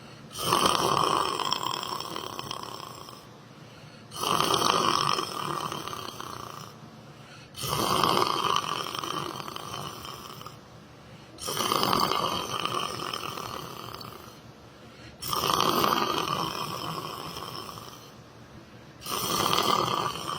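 Loud, rough snores recur about every 3.7 seconds, roughly 16 a minute, each fading before the next. Snoring during sleep.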